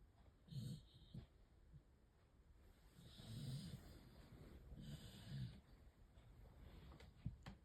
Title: 🔊 小狗狗又做夢💭又打呼💤😴 / 🔊 The dog is snoring and having an exciting dream #snoring #sleep #dog #dream